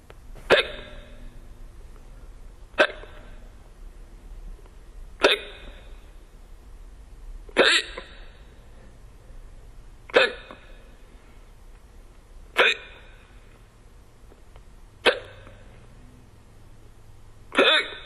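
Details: Sharp, brief hiccups about every 2.5 seconds, roughly 25 a minute, with quiet room noise between: hiccups.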